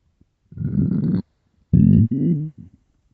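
Two low rumbling, gurgling growls from a hungry stomach, ordinary bowel sounds.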